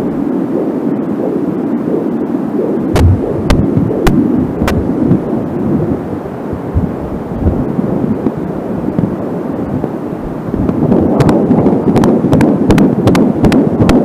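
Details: Fetal heartbeat at 13 weeks on a home Angelsound Doppler, with slower beats being the mother's pulse and static from a short audio cable. Fast whooshing pulse at about 160 per minute under heavy static and crackle; normal fetal heartbeat.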